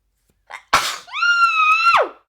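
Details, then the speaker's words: Young woman wrapped in a blanket; she says sneezing hurts after a workout the day before. A quick breath in, then one sharp explosive sneeze with a short voiced cry after it. "so many burps and sneezes and coughs in this video I have to go sneeze I have to go blow my nose bye"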